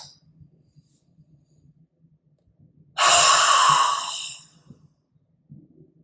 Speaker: so I'm going to demonstrate now gonna do a breath in through my nose first brief pause and then I'm going to do the forceful breath out